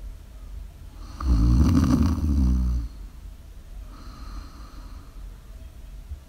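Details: Live ASMR snoring recording during sleep: one loud, rough snore on the in-breath, then a softer breath with quieter rasping.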